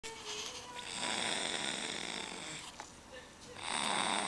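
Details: Snoring during sleep: long whistling, rasping snores on the breath in, with a pause between them.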